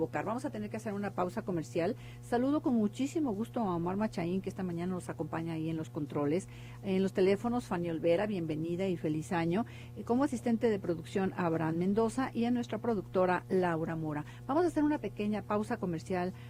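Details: Adult female radio host; Normal fluent speech.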